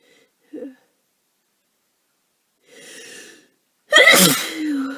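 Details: Person with a cold for a few days, exhausted and tired: a sharp indrawn breath builds to one loud, explosive sneeze with a trailing voiced tail; exhaustion may make sneezes sound different.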